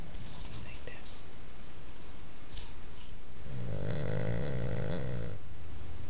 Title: Snoring Sahara